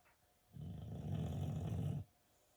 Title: Birdie snoring away **so cute**